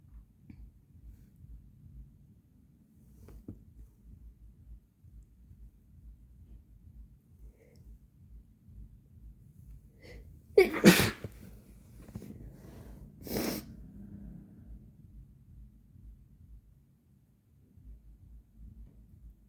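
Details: An agender person sneezing, with a blocked nose from bloody scabs: a quiet room, then two sharp, explosive sneezes a few seconds apart.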